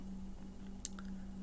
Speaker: I also have like TMJ kind of right here, to where at night, if you're sitting next to me or laying next to me and it's really quiet, I can do that and you can hear my jaw click and pop.